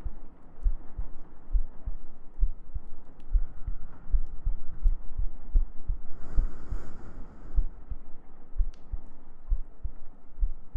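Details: ASMR sleep-aid girlfriend cuddle role-play with heartbeats, gentle breathing and humming: soft low thuds at about 60–65 beats a minute under a muffled hum, with a brief rustle partway through; a steady heartbeat.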